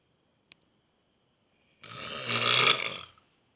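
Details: Stressed engineering student asleep: a single loud, harsh, rasping snore about a second and a half long, rough and grunting like a lion, following a brief click.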